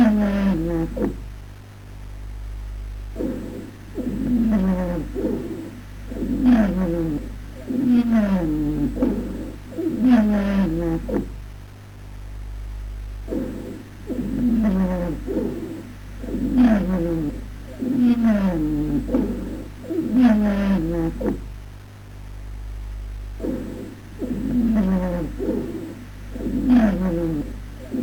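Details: Repeated musical, whistling wheezes with falling pitch heard over the chest across successive breaths.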